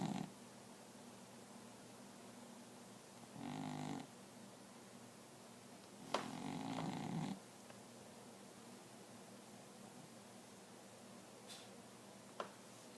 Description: Our cat is snoring from time to time....